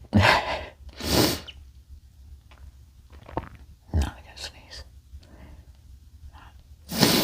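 Three forceful sneezes with quiet breathing and small sounds between them.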